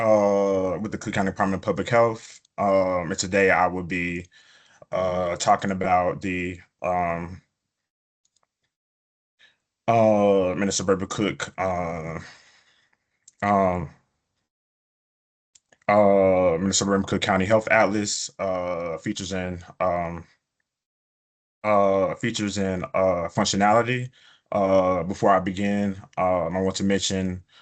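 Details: Adult man, a person who stutters, presenting a webinar; he reports prolongations of words or sounds, blocks and repetitions in his speech; stuttering.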